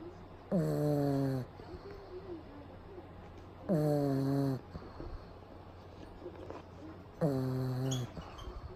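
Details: A pug napping in the daytime with eyes rolled back, recorded close up: three loud, buzzing snores at about 19 a minute, each lasting nearly a second, with soft breathing between.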